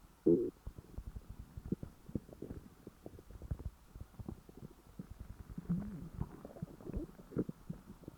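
Low gurgling and rumbling with scattered soft pops, on and off throughout; ordinary stomach growling after a large meal.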